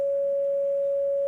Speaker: anybody feeling healthy no because when's the last time you heard that noise that's the sound of a heart monitor when the heart is flatlined